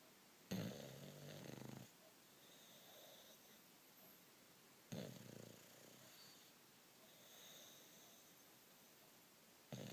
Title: Bulldog snores